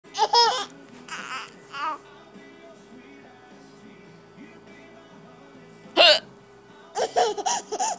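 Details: Hiccups in a mother: short, abrupt voiced catches answered by a young child's bursts of laughter.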